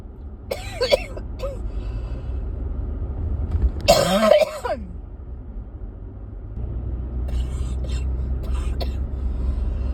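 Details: Persistent cough that won't go away: short cluster of rough coughs and throat clearing over steady road or engine rumble.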